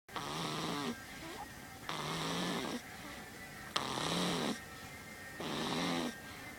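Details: Two-week-old snoring in sleep: rhythmic rattling snores about every 1.8 seconds, roughly 34 a minute, with quiet gaps between; ordinary snoring.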